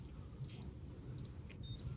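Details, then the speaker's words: Two apex locators, Morita Root ZX II and Sybron Apex ID, attached simultaneously during an endodontic demonstration, interfering: short, high, irregular electronic beeps at similar rates over a low room hum. "go into like defibrillation oh it's a little crazier the Morita is not happy and I think the cybron one is winning it's kind of like you're beeping the same rate"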